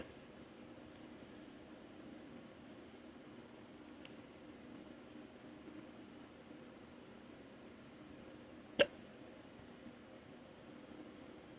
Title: Random morning hiccups - audio